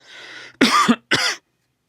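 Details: Person who suddenly fell ill over the past two days with a nagging cough, before a hospital visit in Shanghai: two short, harsh dry cough bursts after a breathy lead-in, in a quiet room.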